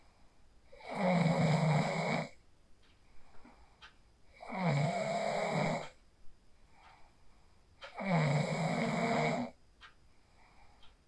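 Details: Phone recording of a person asleep after practicing the 4-7-8 breathing technique: loud, rumbling snores on each in-breath, about three in eleven seconds, with quiet exhalations between; ordinary sleep snoring.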